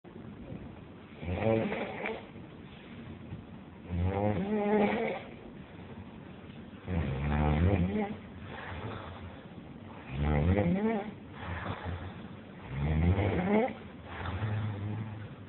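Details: Loud, rattling snores on each breath in, about 20 breaths a minute, with softer sounds on breathing out.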